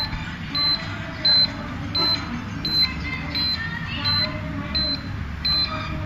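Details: Short beeps about 85 a minute from the buzzer of a CareStream CS 2100 dental X-ray unit after the exposure switch is on, with no exposure sound; the fault was mainly a loose connection between power board and head jack.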